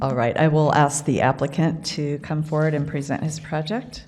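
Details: Adult speaker; normal speech.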